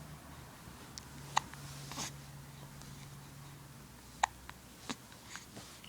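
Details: Baby in the early morning with hiccups: two small, sharp hiccups a few seconds apart, with soft clicks and faint room noise.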